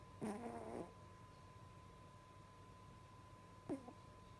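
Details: Puma the cat snoring while asleep: two short, soft snorting snores over a faint steady hum.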